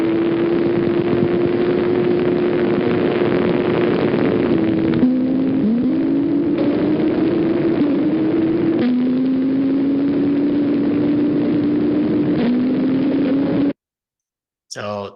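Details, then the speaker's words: Continuous high-pitched whining drone sliding in pitch like a race car on needle EMG: a motor unit firing very fast, usually 200–300 Hz, a neuromyotonic discharge seen in diffuse hyperexcitable nerve disorders such as Isaacs syndrome. "this is a motor unit that's firing very fast it's usually 200 to 300 Herz it has a race car type of sound and um and this is usually due to diffuse hyper excitable neuromuscular disorders such as Isaac syndrome"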